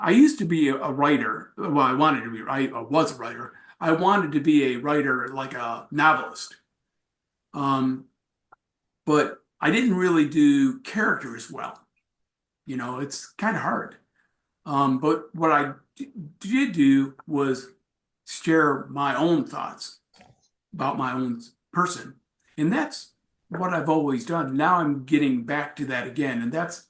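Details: Aphasia in an adult after a traumatic brain injury from a bike accident about four and a half years earlier, with about a month in a coma; went through speech therapy and says he still has aphasia.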